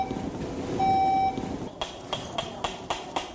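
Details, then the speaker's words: A steady tone, then a run of short regular beeps, about four a second, over operating-room noise: an intraoperative nerve-monitoring electrode alarm warning that instruments are near a nerve during minimally invasive XLIF lateral fusion surgery. "x-rays help the surgeon guide the instruments electrodes sound an alarm if they're nearing any"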